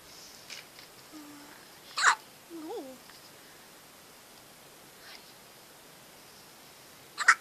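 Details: Baby girl with hiccups, seemingly undisturbed: a few sharp, abrupt little catches and a soft infant vocal sound in a quiet room.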